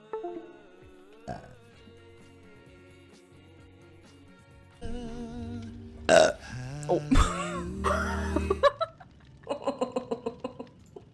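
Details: Girl burping in a compilation: several loud, drawn-out belches, some deep and rumbling, with background music and a little talk.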